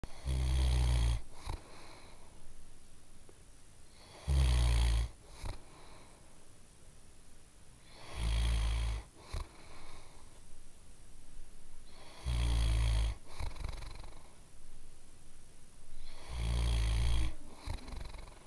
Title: Old Dog Snoring Loudly